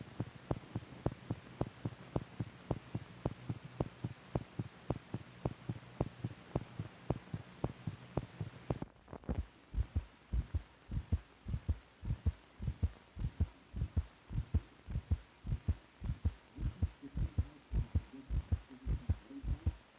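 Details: Normal heart sounds from an old (possibly 1950s) teaching film for doctors correlating heart motion with sound.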